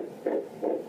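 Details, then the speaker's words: Two quick whooshing pulses of a fetal heartbeat on ultrasound, at a fast fetal rate, in a viable pregnancy following nine prior miscarriages after years of infertility. "It's the sound Karmann and Ryan Wennerland have been waiting to hear the past 10 years, their baby's heartbeat."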